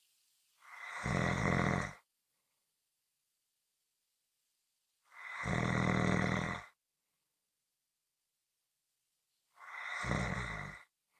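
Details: Three loud, rough, rattling snores every four to five seconds, with silence between; snoring.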